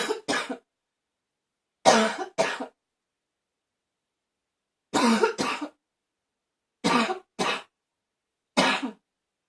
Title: #76 barking cough anyone?